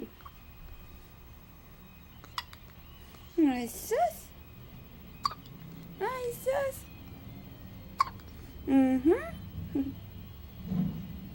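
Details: Infant's first hiccups: sharp, brief clicks about every three seconds with soft baby sounds between and faint room noise.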